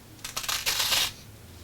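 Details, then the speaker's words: Brief cluster of dry, crinkly crackling pops, an imitation of lung crackles (rales) made with a blood pressure cuff rather than a real patient. "un estertor suena más o menos así si yo estoy respirando y hago"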